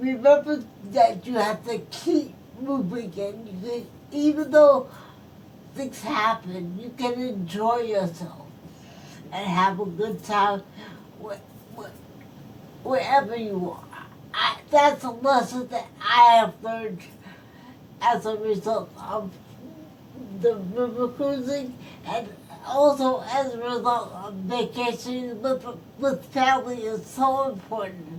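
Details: Adult woman stroke survivor whose speech is affected by her stroke; speech has repetitions and broken phrasing; post-stroke speech impairment.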